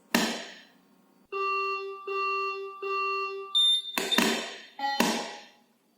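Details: Maquet Servo S ventilator startup self-test: three steady electronic tones, then a higher beep, with sharp clicks between them.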